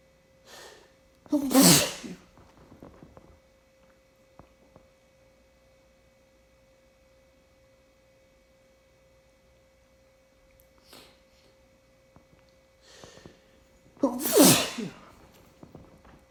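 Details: An adult sneezes twice on an unusually warm, rainy day, each forceful sneeze preceded by sharp catching inhalations, over a steady background hum: a repeated sneezing fit.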